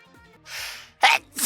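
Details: A VTuber's sneeze: soft and high-pitched, a quick breathy intake, then a sharp burst, with the start of a second burst at the end.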